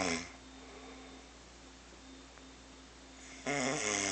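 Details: A low, steady rumbling snore, cut off by louder noise at the start and end; snoring.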